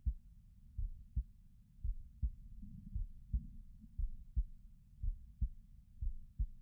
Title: This is my heartbeat sounds